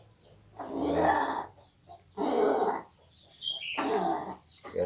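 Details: Chicken with ngorok (engkrok), a respiratory illness, making harsh, rasping, snore-like breath noises before home treatment.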